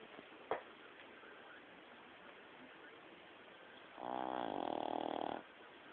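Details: Quiet room noise, then one loud, buzzing, tonal breath lasting over a second: snoring from a sleeping dog named Kenzo.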